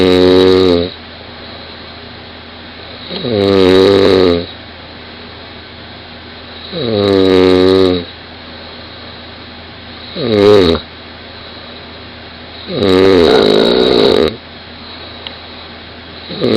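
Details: A 20-year-old woman snoring very loudly in bed, recorded by her boyfriend lying next to her: five loud, drawn-out, buzzing snores with quiet pauses between, about 18 breaths a minute; heavy snoring.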